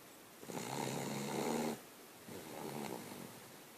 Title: Winston the Snoring Italian Shih-tzu Dog